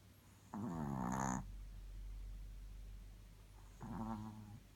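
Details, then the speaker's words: Small dog snoring in sleep: two low, fluttering, rumbling breaths a few seconds apart. "Quite the snorer, Jake. For a little doggy."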